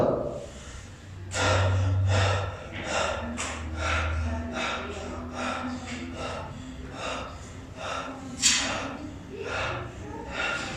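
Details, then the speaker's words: Patient asked to breathe as if tired during lung auscultation: repeated deep, heavy breaths, each a loud airy rush in and out, roughly 20 a minute. "y vemos al paciente que respire como cansado"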